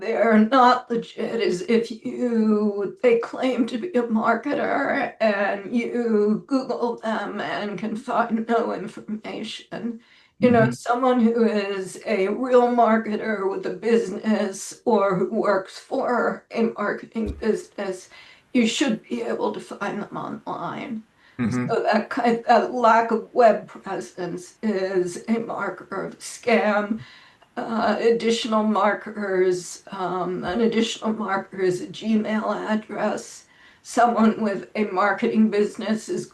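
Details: Spasmodic dysphonia in an adult woman; severity varies from day to day, and she reports this as not a particularly good day.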